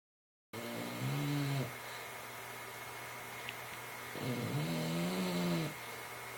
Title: Stella snoring like a Princess